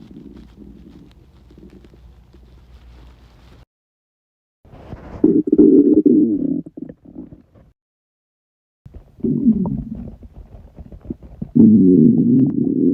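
Long low gurgling and rumbling stretches with brief pauses: loud stomach rumbling, ordinary bowel sounds of an empty gut.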